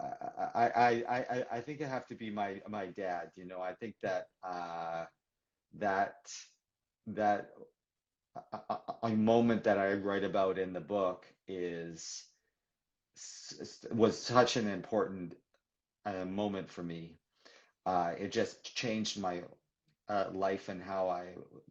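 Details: Adult man who describes himself as a person who stutters, in real live conversational speech; stuttering.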